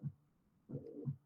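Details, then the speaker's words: Simulated mitral regurgitation, heard at the apex and still clearly heard at the axilla: a blowing systolic regurgitant murmur filling the gap between heart sounds. "es un soplo sistólico que parece regurgitación pongo el axila y se sigue escuchando muy bien"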